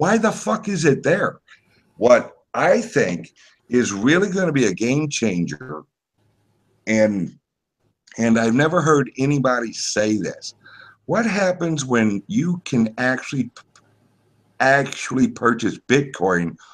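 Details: Self-reported speech impediment of unspecified type in a man; disfluent speech; speech impediment.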